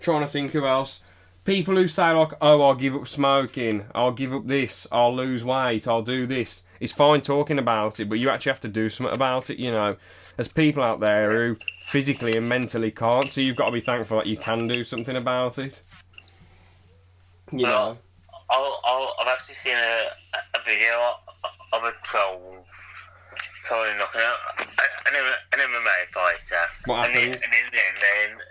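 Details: Man who still stammers, with repetitions of sounds or words and noises lasting a few seconds, in conversation: stuttering (stammer).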